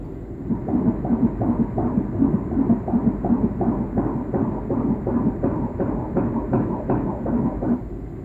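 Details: Rapid rhythmic whooshing pulses at about 160 a minute, a fetal heartbeat picked up during a pregnancy ultrasound scan.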